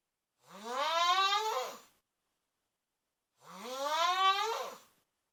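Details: Cousin snoring; two loud, tonal, horn-like snores on inhalation about three seconds apart, separated by silence: loud snoring.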